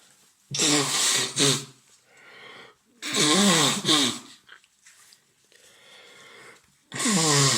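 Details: Simulated role-play of a man sick with a bad cold, shivering, red nose, watery eyes, lying in bed: several forceful sneezes with voiced build-ups, separated by sniffly breathing.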